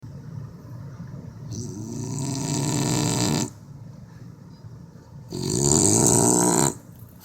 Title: Jesse the dog snoring/ breathing